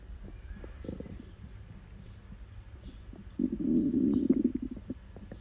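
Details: Person with diarrhea, loud gurgling abdominal rumbles with a prolonged bubbling run: hyperactive bowel sounds (borborygmi).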